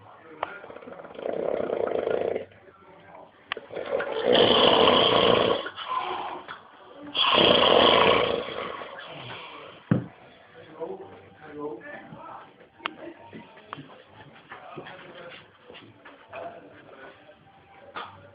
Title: extreme funny snoring